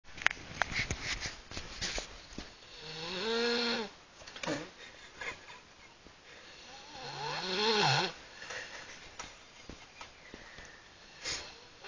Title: Snoring Beauty!